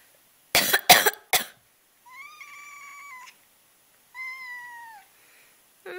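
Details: Three quick harsh coughs from an adult, then the pet cat, who hates coughs and sneezes, answers with two drawn-out protesting meows.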